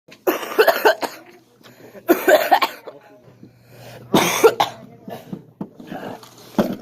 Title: Just a small clip of me coughing